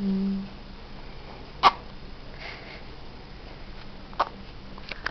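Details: A dog with hiccups: two or three brief, sharp, hiccup-like jerks of breath in a quiet room.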